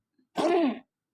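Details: Female cat coughing: a single short, harsh, partly voiced hacking burst; cough.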